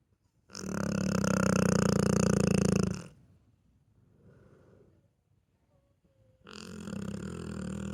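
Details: A sleeping pit bull dog snores loudly, low and rattling, each a long buzzing inhalation followed by a quiet pause before the next snore begins.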